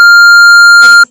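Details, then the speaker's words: Simulated tinnitus: a steady, loud, high-pitched pure tone imitating the ringing in the ears that noise exposure can cause. "Ese es el tinnitus. ¿Y qué ocurre? Pues que el ruido mantiene excitado nuestro cerebro continuamente, ya que nuestro sistema auditivo no descansa nunca, está continuamente mandando información."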